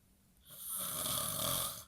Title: Exclusive xxx snore job!!!!!!